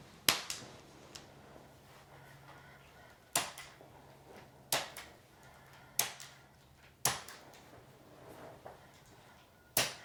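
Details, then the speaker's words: Returning adult woman getting a chiropractic pelvis adjustment after her right leg felt heavier and sat lower than the left: six sharp, separate cracks or pops over about ten seconds in a quiet room, from joint cavitation. "So I'm just going to go through and I'm going to adjust your pelvis."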